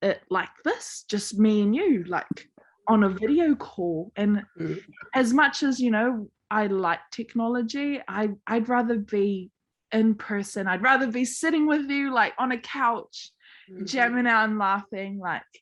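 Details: Adult woman speaking; typical speech.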